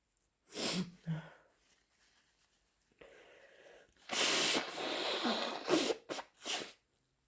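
Two quick sneezes, then a long wet nose blow followed by short snorts and sniffs; repeated sneezing with a runny nose.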